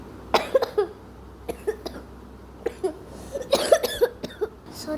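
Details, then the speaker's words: Speaker says they have a slight cough: several short, sharp cough bursts in a small room, mixed with brief speech sounds. "Guys, എനിക്ക് ഇച്ചിരി ചുമയാണ് കേട്ടോ."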